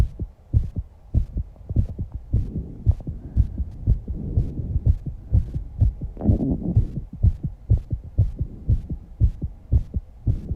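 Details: Rapid, strong heartbeat at about 120 beats a minute in a 19-year-old girl after exercise, with heavy breathing and some breath holding in the background; fast heart rate after exercise.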